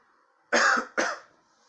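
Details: Adult friend coughing, saying it's not COVID-19: two short, forceful coughs in quick succession with faint room noise behind; cough.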